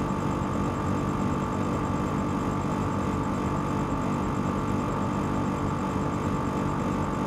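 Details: Two nebulizers running together: continuous even compressor drone with steady hiss, unchanging throughout.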